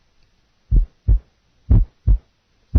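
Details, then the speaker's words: Normal single first heart sound played for comparison with a pulmonic ejection sound; nursing heart-sound assessment teaching recording. "the pulmonic ejection sounds pulmonic ejection sound compared to the single first sound"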